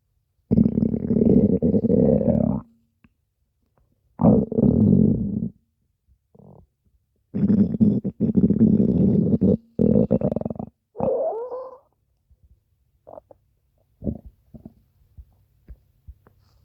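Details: Over five minutes of stomach growling: irregular bursts of low gurgling, rumbling growls separated by quiet pauses; ordinary gut sounds (borborygmi).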